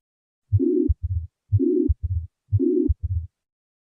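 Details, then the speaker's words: Pansystolic murmur of ventricular septal defect, described as common after myocardial infarction, played with a phonocardiogram: heartbeats at 60 a minute with a loud harsh murmur filling the whole of systole between S1 and S2. "this murmur which you had is a pan-systolic murmur yes that's a pan systolic problem because this is S1 this is S2"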